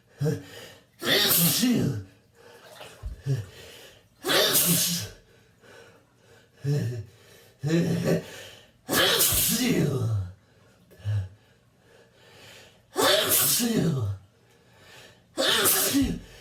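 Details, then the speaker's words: Fit of about six loud, explosive sneezes, each preceded by a gasping breath in, induced with a chhinkni while tipsy in a bathtub after being out in the rain; the sneezer reports a burning nose. "I'm waking up the neighbors with my loud sneezes. I gotta be quiet."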